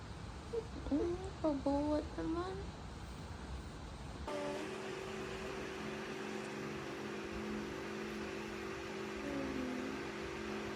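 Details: Newborn baby (born by caesarean section) on its first night home: a few short, high-pitched cries, then a steady low room hum; an ordinary newborn cry.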